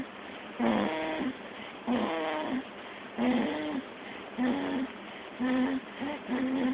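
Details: Cat, Callum, asleep: regular nasal, buzzing snores about 50 a minute, each a drawn-out vibrating tone; snoring.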